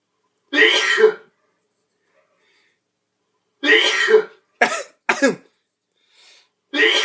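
Repeated short rough throat-clearing bursts with pauses between, and two sharper explosive bursts in the middle; a throat-clearing pattern.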